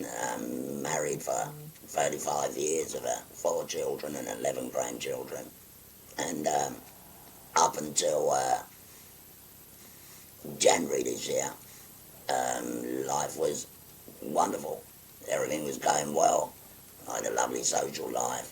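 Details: 57-year-old man, real patient, after total laryngectomy for stage four laryngeal cancer, speaking through a voice prosthesis (voice valve) by occluding his neck stoma with a button; tracheoesophageal speech.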